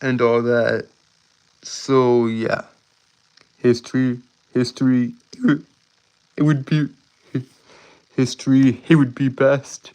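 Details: Male streamer with a self-reported speech impediment causing stuttering and tripping over words; stuttering.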